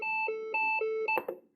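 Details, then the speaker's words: Defibrillator on an ECG rhythm generator simulator: synchronized cardioversion at 360 J for ventricular tachycardia, converting to sinus rhythm. Alternating two-pitch charged-alert tones end in a brief clunk at shock delivery. "so uh let's let's actually do uh synchronized cardioversion here sync right flagging charge so once i deliver it it should go to normal science"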